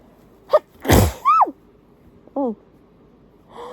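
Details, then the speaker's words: A single forceful sneeze with a loud burst, falling voiced tail and brief sigh, from an adult who reports being particularly itchy and irritated that day, during a chatty tissue sneezing fit; an ordinary sneeze. "I can really feel the sneeze"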